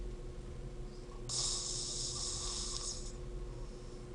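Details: A hissing, snorting breath over steady room hum from a young man asleep in his university dorm room; snoring.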